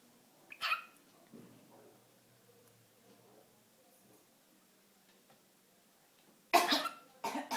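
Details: Dog coughing in a quiet room: three sharp, harsh coughs, one early and two close together at the end.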